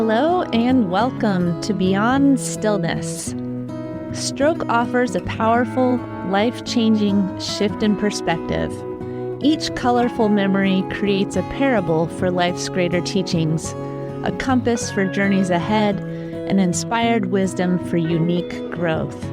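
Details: Adult speaker with background music; ordinary fluent speech.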